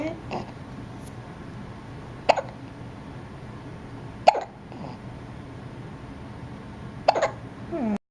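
Three short, sharp hiccup catches from an infant, spaced a few seconds apart over quiet room noise; ordinary infant hiccups.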